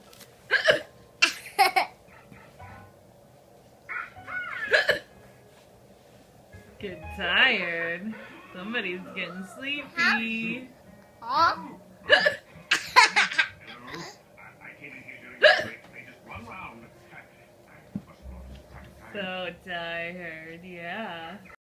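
Repeated sharp hiccup bursts about every few seconds, mixed with laughter and talk over background music; hiccups.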